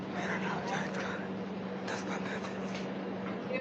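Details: Glottic insufficiency from incomplete glottic closure; very breathy voice, with aspiration, vocal fatigue on prolonged speaking and episodes of complete aphonia reported (glottic insufficiency).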